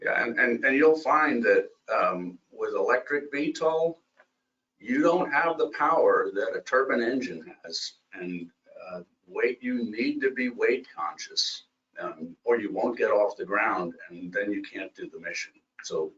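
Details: Adult male speaker; normal speech.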